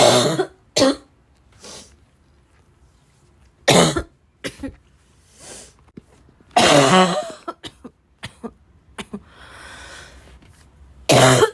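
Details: Repeated harsh, forceful barking coughs in bursts, with gasping and throat clearing between them; the person describes choking on the cough.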